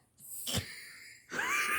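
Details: Female dog coughing briefly amid harsh, wheezy, strained noisy breathing after appearing to choke; sounds like respiratory distress.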